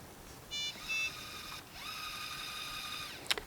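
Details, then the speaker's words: BD BodyGuard syringe driver power-on in a hospice prime-and-load training demo: short electronic beeps, then a rising tone and steady high tone as the on/off button is held and the pump powers up and begins its preload. "we're going to turn our pump on by pressing and holding the onoff"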